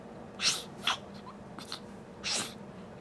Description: Baby to Sneezing for the first time.